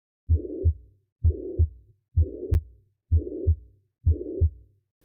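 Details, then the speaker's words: Dog heart auscultation with a stethoscope: regular lub-dub beats at about 64 a minute with a blowing whoosh over each beat, a heart murmur from turbulent flow. "This occurs due to the turbulent blow flow, blood flow often caused by valve stenosis, the narrowing of vessels or regurgitation which is the leakage in dogs with heart disease."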